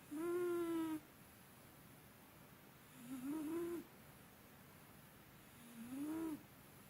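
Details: Whistling, tonal snores with each breath, about 21 a minute, over quiet room noise, from a sleeping cat that has snored for a long time and is louder than usual today. Snoring.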